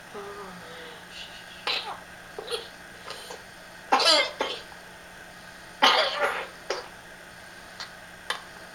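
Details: A child has a nighttime coughing fit, one of several through the night, recorded for her doctor: a run of short, harsh coughs and throat clears separated by brief pauses.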